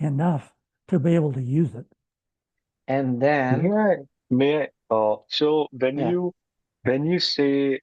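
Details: Adult man with lifelong stuttering, three months into a treatment program, speaking with his short-stops speech plan; he reports no stuttering since starting; stuttering, treated, with paced speech.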